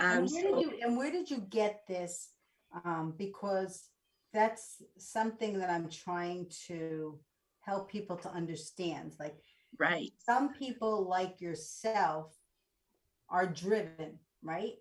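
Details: Adult woman speaking; normal speech.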